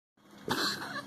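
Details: Jack Russell terrier; a single short, harsh, breathy burst in a quiet room, consistent with one dog cough.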